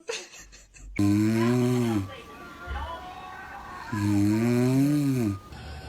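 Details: Dad snoring with very loud, droning snores, each over a second long, recurring about every three seconds; baby seems scared of it.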